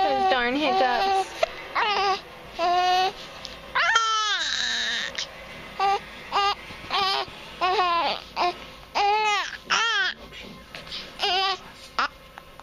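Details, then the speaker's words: Repeated fussy wails and whimpers, broken by breaths, in a small room from an infant boy, upset by his hiccups; infant cry. "has the hacups he doesn't like it very much and he has the hacup"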